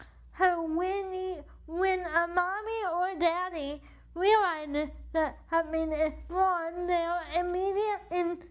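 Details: Dysarthria due to cerebral palsy in an adult woman whose CP affects the right side of her body, impacting her speech and movement; she uses a wheelchair.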